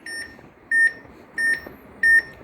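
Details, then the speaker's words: Training demo on a manual defibrillator's monitor with 3-lead ECG: regular short high QRS beeps, about 90 a minute, one per heartbeat, from a simulator showing normal sinus rhythm, while the QRS volume setting is explained. "Coming to QRS volume. Now, this is the volume that with which this is beating. If I increase, this will become louder, or if I want to shut it up, it's gone now."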